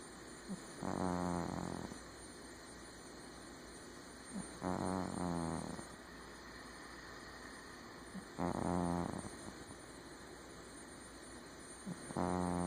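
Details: Sleeping cat: steady rhythmic snoring with a buzzing rattle on each in-breath, about 17 breaths a minute, with a faint steady hum behind; snoring.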